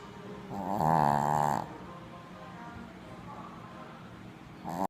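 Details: Sleeping dog (Rocky) snoring heavily when tired: a loud, rattling snore of about a second, then quiet breathing and the start of another snore.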